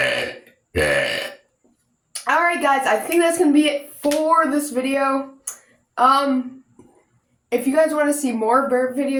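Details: A series of long, deliberate, low croaking burps with short pauses between them; voluntary belching.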